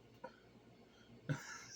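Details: Adult coughing after repeatedly drinking cinnamon toast crunch iced coffee, after vaping: a faint then a louder cough burst with a short noisy breath, small quiet room.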